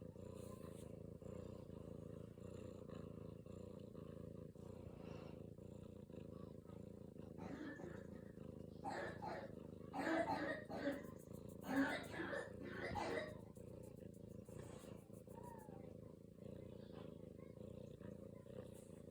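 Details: A cat purrs steadily, broken midway by a short run of sharp coughing bursts; the purring continues through the cough.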